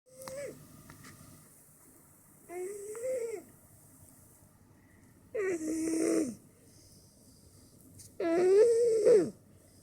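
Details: Overweight cat snoring in its sleep, also a loud purrer: soft, whistly, wheezy snores in a quiet room, each under a second, growing louder.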